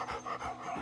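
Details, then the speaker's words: Older female Labrador with laryngeal paralysis: harsh, raspy panting breaths with a roaring inspiratory stridor as air passes the throat; advanced disease can cause trouble breathing, treated by laryngeal tie-back. "there's laryngeal paralysis in an older Labrador please talk to your veterinary if you hear this noise in your dog"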